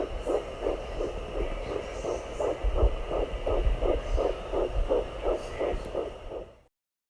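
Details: Fetal heartbeat at 10 weeks of pregnancy found with a home fetal Doppler after days of mistaking the slower placental sound for it: rapid, regular whooshing pulses at about 170 a minute.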